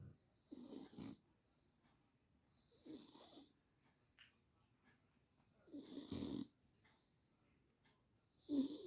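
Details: Beagle dog snoring in a quiet room: soft, rough, brief rattling snores, about five in nine seconds, each followed by a pause.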